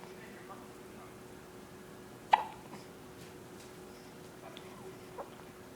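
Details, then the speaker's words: Infant girl with hiccups, which she also had often before birth; one sharp, abrupt little hic, then a fainter catch, over a steady low hum. "baby girls got the hiccups like she always did sorry baby girl"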